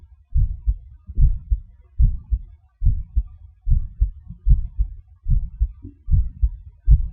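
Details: Normal heart sounds recorded with gated MRI: regular low-pitched paired heart thumps at about 73 beats a minute.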